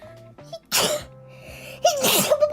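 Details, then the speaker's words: Two sharp, explosive sneezes from a female streamer during a livestream, soft music and steady tone behind. "失礼しました。変なくしゃみ出ちゃった。"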